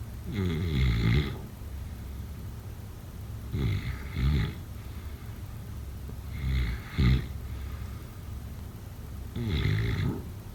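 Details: Snoring during sleep, offered as a sleep sound effect: four loud, rattling snores a few seconds apart against a steady background hiss.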